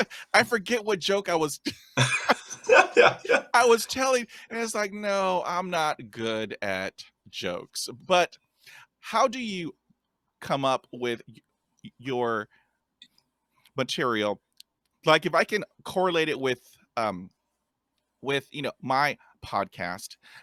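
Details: Stuttering in a podcast host who stutters and describes having a speech impediment; stuttering.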